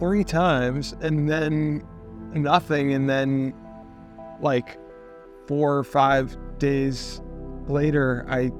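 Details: Stroke survivor with non-fluent expressive aphasia after stroke, with a weak arm; clinician links anterior strokes to non-fluent, telegraphic speech; non-fluent (expressive) aphasia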